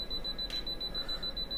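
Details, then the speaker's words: Apex locator emitting rapid, steady high-pitched beeping when the clamp is touched, confirming it reads correctly, in root canal treatment. "when i'm touching the bow of the clamp i'm going to make sure that i get this beeping sound here and we can see on the reading how it's going all the way up"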